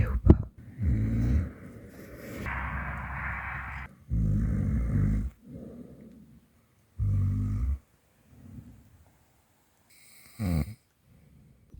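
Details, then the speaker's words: Loud, low rattling snores in repeated bursts with quiet gaps, from a man sleeping in a car while bivouacking in the Dolomites in the morning; snoring. "n'est pas du tout décidé à se lever. Vous l'entendez"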